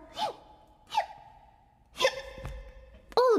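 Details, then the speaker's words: Several abrupt voiced gasps at roughly one-second intervals, then a louder vocal outburst: a powerful involuntary hiccup during a singing livestream, described as "about a seven" on an earthquake-like scale, with aftershocks felt; hiccups. "that was that was a really big one i feel like there's like a an earth-like scale for hiccups and that one was about a seven"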